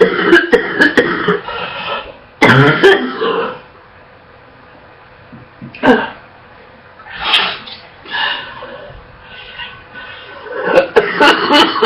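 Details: Girl coughing non-stop, barely able to catch her breath and gagging, with repeated barking and wet coughs.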